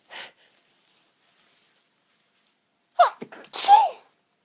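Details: Incredibly tickly nose: a breathy intake, a pause, then a pinched, stifled sneeze burst; suppressed sneezing.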